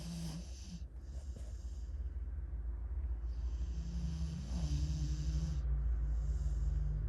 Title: Snoring dog sounds